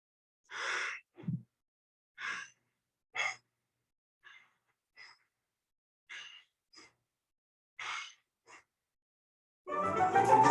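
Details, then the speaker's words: Kussmaul respiration demonstrated in a vital-signs lesson: deep, irregular breaths with uneven inspiratory pauses, a pattern pointing to metabolic acidosis, compensating by lowering blood carbon dioxide. "es similar a la tag idea pero difiere porque tiene ondas más largas y tiene sentido porque están en estado vacío ticos este tipo de pacientes y lo que están buscando es compensar la acidez al disminuir la concentración de dióxido de carbono en sangre y así es como se escucharía"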